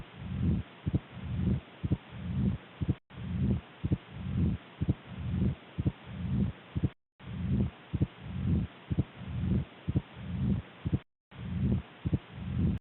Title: Mitral stenosis auscultation | mitral sound | Mitral valve stenosis auscultation